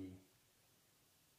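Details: Through a stethoscope on the chest, a patient says a drawn-out "E" that is heard as a muffled "E", consistent with normal egophony.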